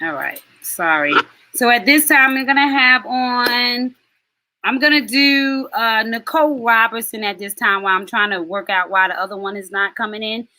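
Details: Adult woman speaking; normal voice.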